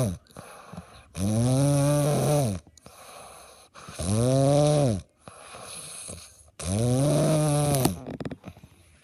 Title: paw to ki snoring